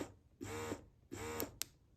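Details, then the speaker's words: Two rhythmic motor pulses with a soft hum, each followed by a click; a Paruu P10 hands-free wearable electric breast pump cycling suction. "So this has four modes. Right here is the stimulation mode. Um and then the next mode you will see is the expression mode."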